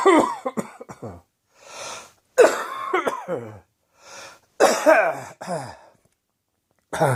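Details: Adult choking and coughing after spicy Indian takeaway curry, eaten after an evening of beer, caught the back of the throat: four harsh, spluttering coughing bouts with rasping, gasping in-breaths between them.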